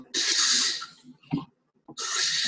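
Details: Video example of snoring in obstructive sleep apnea shown in a sleep-disorders lecture; the patient tries to breathe but isn't breathing.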